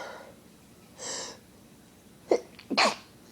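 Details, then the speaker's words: Sneeze after a long, frustrating held-back build-up: a breathy hiss, then a sharp catch and a short forceful burst. "It's there and I can feel it, it just won't come out. Why are you doing this to me?"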